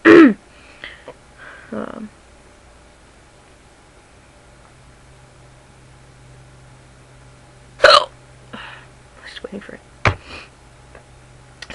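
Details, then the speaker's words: Ongoing bout of hiccups: two sudden, sharp hiccup sounds several seconds apart in a quiet room, with brief vocal noises between them. "wonder how long these are going to last I had a hiccuping spell that did not get to get on camera cuz I was out somewhere"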